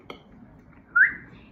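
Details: A single brief, high whistle-like sound bursts out in a quiet room: an involuntary whistling vocal tic of Tourette syndrome.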